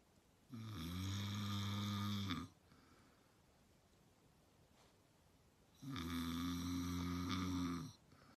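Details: Adult male, a brother, filmed snoring as a prank: two long, deep, rattling snores about five seconds apart with quiet between; loud snoring during sleep.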